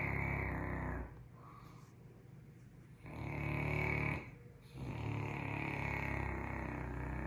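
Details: Caucasian Shepherd (Ovcharka) dog snoring, loud enough to often wake the owner: low rumbling snores on each in-breath with quiet pauses between, about three in seven seconds; ordinary snoring.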